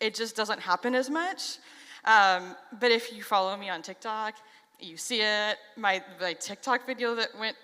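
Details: Stuttering in an adult who stutters.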